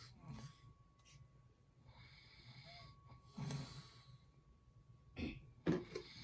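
Low rattling breath noises recur in a quiet room, with a few louder snorting bursts near the end: snoring.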